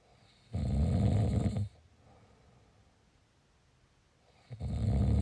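Loud, low, rattling snore on inspiration lasting about a second, then a quiet pause before the next snore begins.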